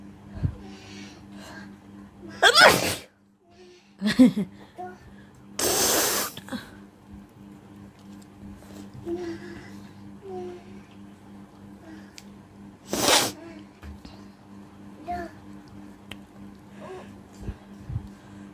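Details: Sneezing and nose-blowing challenge: several loud sneezes with sharp bursts of air, some nose blowing and quiet room noise between them.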